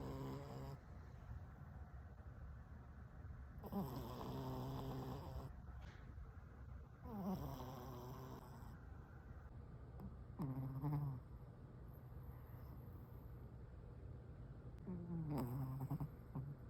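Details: Dog snoring in sleep after a bath; intermittent snoring breaths with a nasal, whistling quality every few seconds over a low steady hum.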